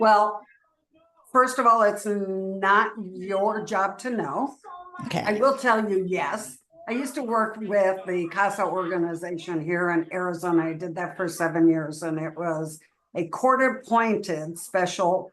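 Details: Adult woman; normal voice.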